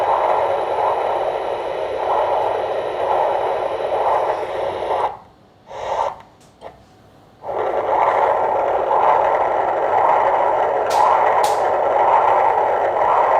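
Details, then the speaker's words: Doppler ultrasound of the radial artery feeding a well-matured, normally functioning arteriovenous fistula, caliber 4.6 mm. Continuous whooshing flow with regular pulsing surges, flow in systole and diastole, described as triphasic. "there's a good flow in the systole and the diastole there's a hole the flow is uh the blood is flowing in the systole in the diastole there's a triphasic flow nice calibred radial artery"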